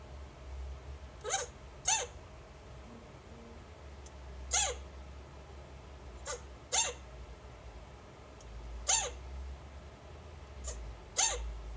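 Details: Chinchilla hiccups after mating: short, high, squeaky chirps, about 8 in 12 seconds, irregularly spaced.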